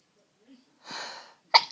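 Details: A drawn-in breath followed by one sharp sneeze, part of one long sneezing fit from a tickly cold.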